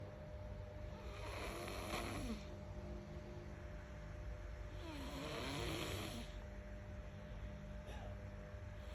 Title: Cute baby snoring😴 what a sweetdreams😂 like & share #laugh #childrensministry #cute